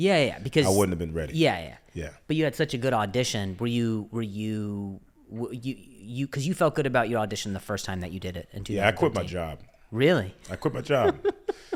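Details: Adult man who stutters, speaking in a podcast conversation; transcript shows repeated words; he refers to an injury before starting stand-up; stuttering.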